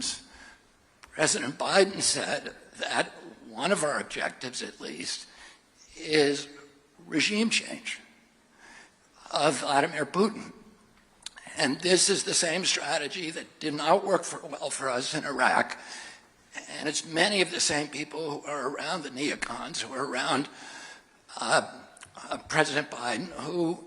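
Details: Adult man with spasmodic dysphonia, involuntary contraction of the voice muscles causing a distorted voice; spasmodic dysphonia.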